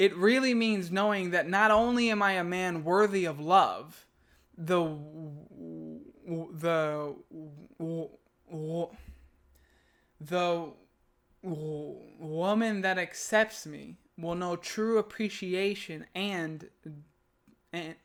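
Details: Adult man who stutters, reading aloud a piece he wrote; he calls this take one of his worst attempts and says he struggled nearly the whole way; stuttering.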